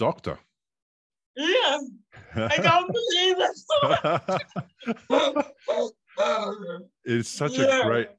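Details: 27-year-old woman with cerebral palsy caused by severe neonatal jaundice; she was not expected to ever walk or talk; she says it makes her sometimes speak and move differently; dysarthria (cerebral palsy).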